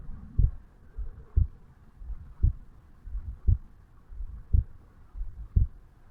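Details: 35-year-old male's own heartbeat recorded at the mitral (bicuspid) area on waking in the morning: slow, regular beat at about 57 a minute, each a soft sound then a louder thump; heart sounds at the mitral area.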